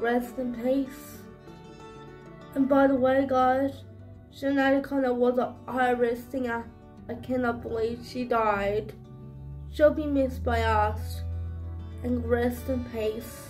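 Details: Adult woman speaking; dysarthric speech in cerebral palsy.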